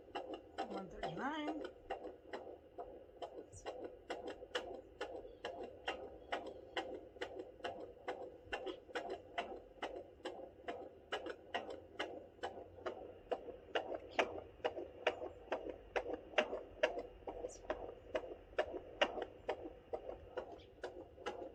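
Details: Doppler fetal heartbeat at 32 weeks (8 months) pregnant with fourth baby: rapid, regular whooshing pulses at about 138 a minute, compared with maternal heartbeat; normal fetal heartbeat.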